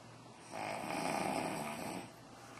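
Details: A single low, rattling breath sound lasting about a second and a half, in a quiet room; one snore.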